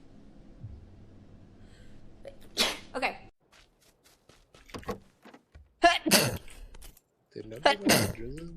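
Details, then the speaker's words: Several sharp, explosive sneezes from different people in a quiet room, some with a voiced lead-in, including a sneeze into the microphone. "Oh, I want to sneeze. No, God, I sneezed in the mic. I'm so sorry."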